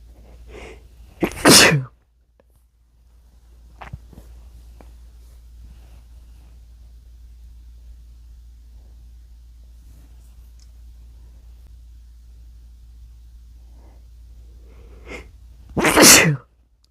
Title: induced sneezing (m)